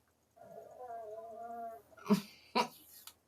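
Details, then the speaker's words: Drawn-out whistling, tonal breath followed by two short, harsh snorting bursts from a sleeping pet dog (female); loud snoring. "If you can't hear that, you're very lucky. She's snoring so loud."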